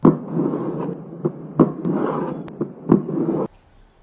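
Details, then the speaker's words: Mitral stenosis murmur: sharp heart sounds with a rough, rumbling mid-diastolic murmur with presystolic accentuation. "this is the m of MIT stenosis it is rough and rubbling in character seen in mid diastolic and it has presystolic accentuation"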